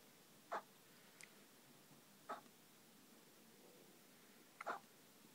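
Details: Newborn baby boy, nearly 24 hours old, in hospital with hiccups: three brief, sharp hiccups about two seconds apart in a quiet room.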